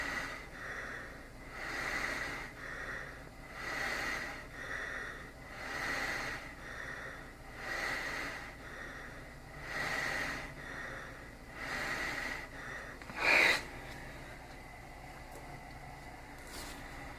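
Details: Small travel CPAP (DreamStation Go, AirMini or Transcend) at 10 cmH2O with flex 3: soft rhythmic hissing airflow rising and falling with breaths, one brief click.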